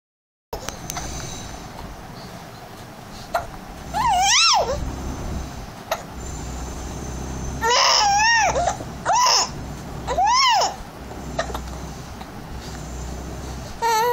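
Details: Baby with hiccups crying: several short, rising-and-falling infant cries and whimpers with faint room noise between them.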